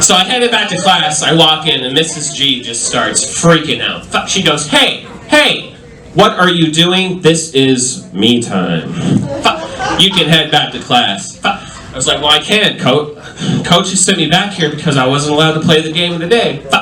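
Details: Adult male stand-up comedian with self-reported Tourette syndrome, including involuntary yelling of bad words and tic noises; live comedy set; vocal tics (Tourette syndrome).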